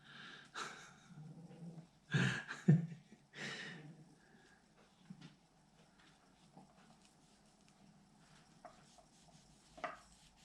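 Soft, low, rhythmic snuffling breaths from a sleeping dog, with a few louder handling noises early on and quiet room background: snoring.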